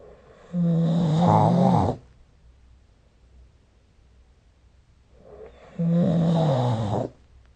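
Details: Snoring recorded with the SnoreLab phone app during sleep: two loud, rough, buzzing snores about five seconds apart with quiet pauses between them.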